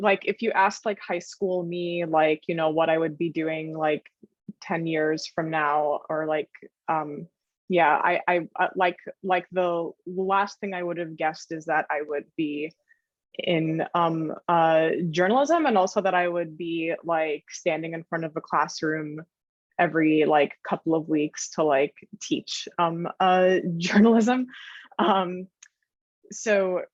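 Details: Adult woman journalist who stutters, speaking with frequent fillers and blocks; stuttering.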